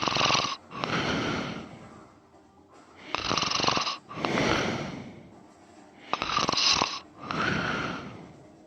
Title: Me snoring and sleep talking again ❤️